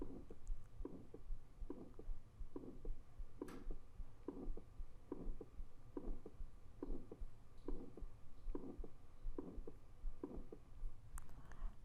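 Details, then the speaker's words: Very stenotic aortic valve: regular heartbeat near 76 per minute with a harsh ejection systolic murmur filling the gap from S1 to S2; aortic stenosis ejection systolic murmur. "so this is iic stenosis you can see the valve is very stenotic and here is the murmur of iic stenosis so again this is going to be your systolic murmur so starting from S1 to S2 so this is going to be um ejection systolic and here is how it sounds"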